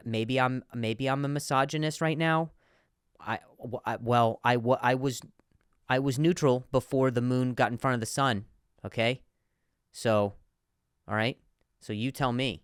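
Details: Comedian who stutters, speaking in a podcast monologue; stuttering with word repetitions.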